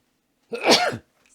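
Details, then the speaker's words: Single sudden, forceful adult sneeze, an explosive half-second burst of air, during a lecture, followed by an apology; sneeze. "죄송합니다 제가 재채기를 했네요"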